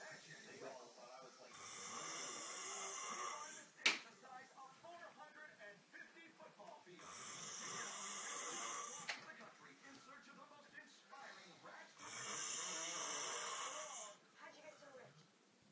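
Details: Exhausted sleeper: three harsh, hissing, rattling breaths about every five seconds, with quieter breathing between; snoring.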